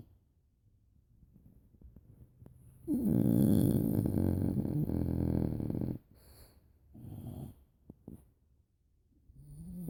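A loud, rough, rattling snore lasting about three seconds, followed by softer snoring breaths in a quiet room.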